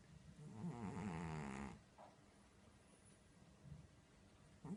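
A low, rattling snore from a sleeping cat, with faint room noise.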